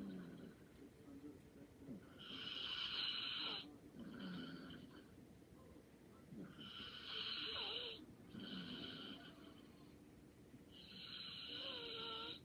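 Rhythmic rattling snores on each breath, about 14 a minute, in a quiet room: snoring.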